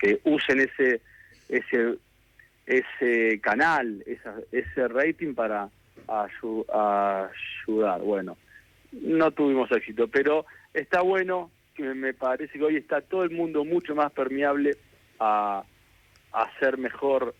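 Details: Adult man who has stuttered since childhood and still lives with it, speaking Spanish in a real live radio interview; stuttering.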